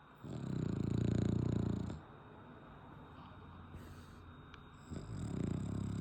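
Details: French Bulldog snoring while sleeping: low, rattling snores on the in-breath with quieter pauses between; ordinary snoring.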